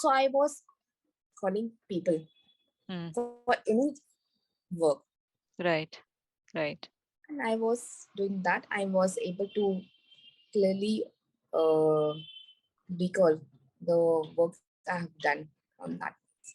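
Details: Recovering global aphasia in a woman after a stroke on an Everest base camp trek about four years earlier, initially unable to speak, read, write or spell; language relearned through speech therapy.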